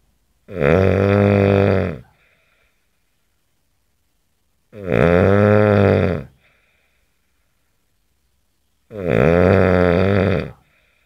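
Three loud, deep, vibrating snores about four seconds apart with silent pauses between; loud rhythmic snoring, about 14 breaths a minute.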